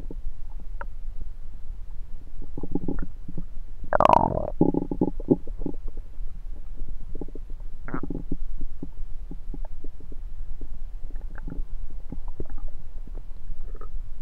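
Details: Self-recorded with a USB stethoscope on the belly: low gurgles and a louder rumbling burst, ordinary bowel sounds.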